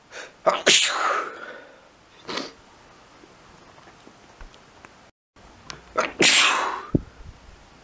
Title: lots of sneezing, can't stop.